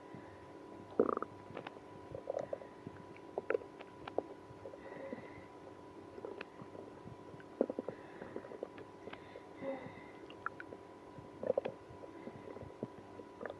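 Frequent short gurgles and squeaks over a steady hum, matching active bowel sounds from stomach growling with irritable bowel syndrome.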